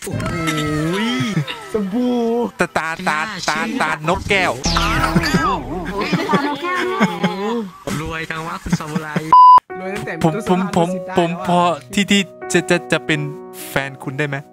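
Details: Male Thai speaker deliberately imitating a stutter as a prank, not a genuine disorder; imitated stuttering.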